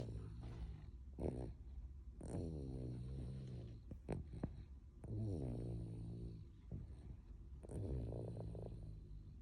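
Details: Toddler snoring in sleep: low, rattling, rhythmic snores on each breath, about 23 a minute.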